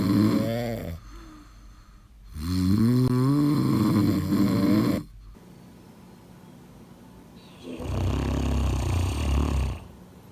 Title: cute dog snoring loud when sleeping - Funny Pet Videos